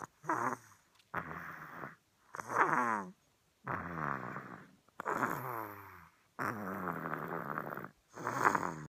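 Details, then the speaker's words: Young boy said to snore just like his father: loud, rough, vibrating, rattling snores on each breath, about seven in nine seconds; heavy snoring. "guess who is this eric or this little eric yep it's a little blank sounds very much like daddy loud and"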